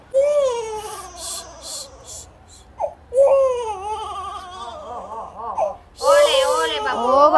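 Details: Baby girl having her ears pierced: loud, high, wavering wails broken by short gasps and sobbing catches, with an adult's voice at times; an infant crying in distress.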